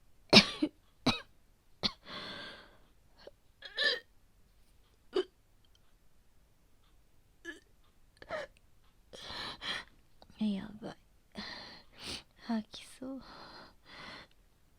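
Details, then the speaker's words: Acted retching and gagging by an adult woman in a role-play voice: short, harsh, strained throat bursts with breaths between them. She plays a sudden 38–39°C fever with chills, body aches, cough and nausea, suspects influenza, and vomits into a bin. "そこのゴミ箱持ってきてくれない？あ、ありがとう。吐いちゃった。また吐く。"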